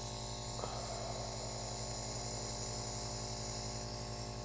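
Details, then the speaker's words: Steady buzzing hum of a nebulizer compressor running continuously between an adult's oral and nasal breaths during a HydrOxygen supplement treatment, with a faint breath sound early on. "now what you noticed is in between breaths this thing just kept running"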